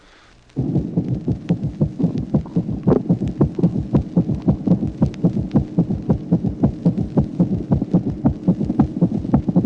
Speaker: Bruit de galop causé par l'addition d'une tachycardie à un troisième bruit de remplissage ventriculaire.